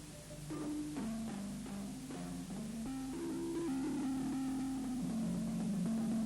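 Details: Hearing loss simulation: balafon notes played to deaf children, rendered as heard through their hearing aids, sound muffled and dull, with the higher sounds stripped away.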